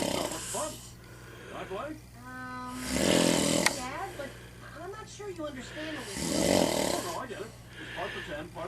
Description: a video showing a person with sleep apnea.